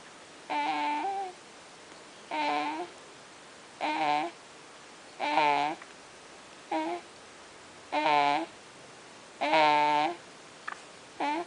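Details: About seven regular, whiny, tonal breaths, roughly forty a minute, in a quiet room: snoring with a voiced, whistling quality.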